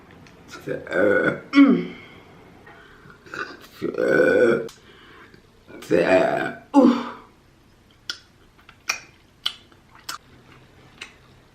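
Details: Person repeatedly burping while eating during a mukbang, a stretch of continuous burping: about five loud, drawn-out belches in quick succession, then softer mouth clicks and smacks.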